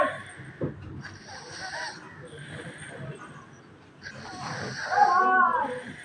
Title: Snoring Kid Part 4/5(1)